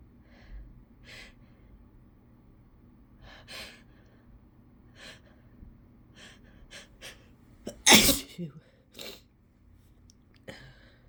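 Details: Several quick sniffing gasps building to one loud, explosive self-induced sneeze, then a few softer breaths; sneezing.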